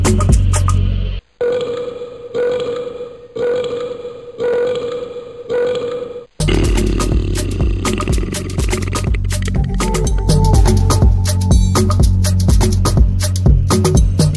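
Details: Series of loud, drawn-out voiced belches, then dense, rapid rumbling sounds, possibly with music mixed in, from a compilation of funny burp sounds; repeated burping.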